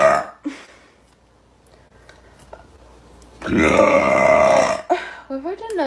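A long, loud, voiced belch lasting over a second, with a brief shorter burp before it and speech around it.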